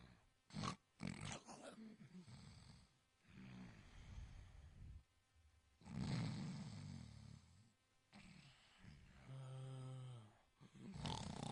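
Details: Snoring from a sleeping kitten: loud, rough, rumbling snores, several drawn-out noisy breaths in a row.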